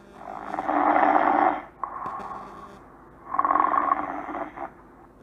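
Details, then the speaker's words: Example snoring sound played in an English lesson: two loud, rattling snores with a softer breath between them, the vibrating noise of sleep; snoring. "Yes, so that's the sound of a snore. So now you can identify what is the meaning of snore, I guess. So this is what we call a snore."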